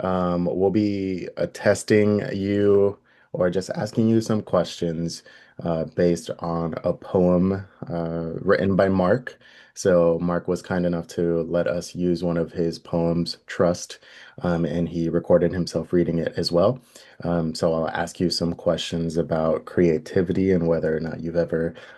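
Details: Adult male speaker; normal speech.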